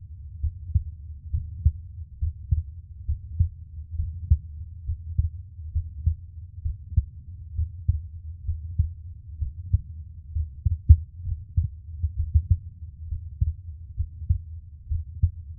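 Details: Adult man's own heartbeat recorded for ASMR relaxation: soft, muffled low thumps at about 65 to 70 beats a minute under a low rumble.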